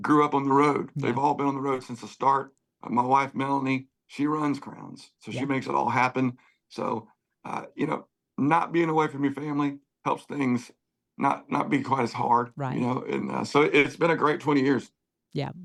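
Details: Adult male singer with spasmodic dysphonia, worse when talking than singing, voice goes gravelly at times, sees a voice therapist before concerts, prior cancer diagnosis and treatment; spasmodic dysphonia.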